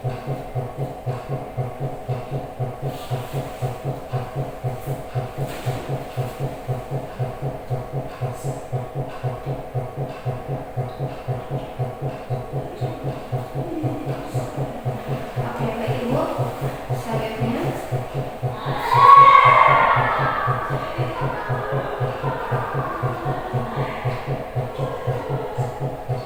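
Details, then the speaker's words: Fetal heart sounds heard through a stethoscope on the pregnant mother's abdomen during an obstetric exam, counted as 3 readings of 5 seconds with 5-second intervals: rapid, steady, soft thumping. "Eh, baik, Ibu, selanjutnya di sini saya akan, eh, mendengarkan dan menghitung untuk bunyi jantung bayinya setiap setiap 5 detik sebanyak 3 kali pembacaan dengan interval 5 detik di antara setiap pembacaan."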